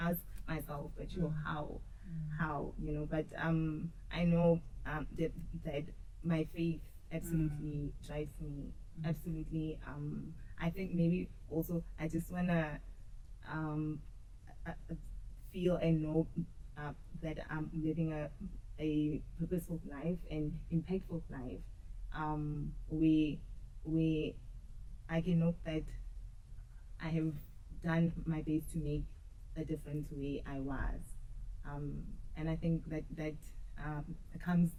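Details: Adult woman who says she stutters and used to struggle a lot with stuttering; stuttering.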